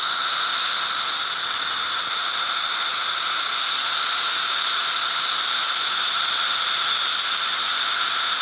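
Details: Steady high-pitched hiss and whine of the Solea dental laser system running continuously during a dental procedure, a normal operating sound.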